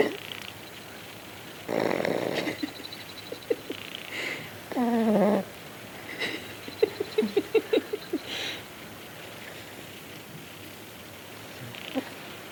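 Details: A few irregular, whistling, squeaky snoring breaths with small snuffling clicks between them from a sleeping cocker spaniel puppy; snoring.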